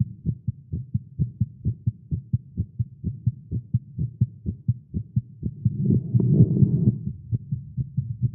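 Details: Male heartbeat after exercise and caffeine: quick, steady thumps at roughly 130 beats a minute with a brief rushing noise midway; fast heartbeat (tachycardia), tagged as irregular.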